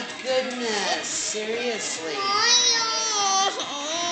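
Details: A child has a crying tantrum after Just Dance because he wants to play Super Mario; he speaks with a lisp.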